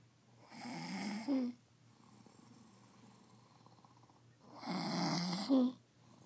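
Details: Sleeping man snoring: two loud, rough snoring breaths about four seconds apart, each ending in a rising squeak.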